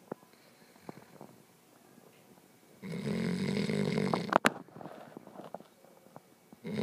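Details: Sleeping puppy, crashed out: one loud, rough, buzzing snore lasting over a second, then quieter breathing; snoring.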